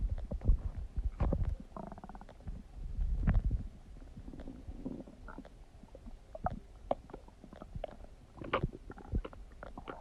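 Low gurgling and rumbling abdominal noises coming in bursts; loud bowel sounds of normal digestion.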